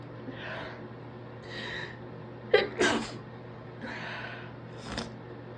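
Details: Induced, stifled sneezes from an adult student who suspects a stress cold, congested and sniffly all day: two muffled sneezes with soft sniffles and breaths between, over a low room hum.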